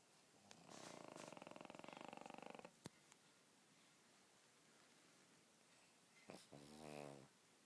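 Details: Soft fluttering snore on the in-breath, then a second snorting breath a few seconds later, from a sleeping pug dog: snoring.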